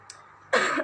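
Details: After a brief quiet moment, an adult woman speaking to camera breaks off with a single loud, harsh burst of coughing.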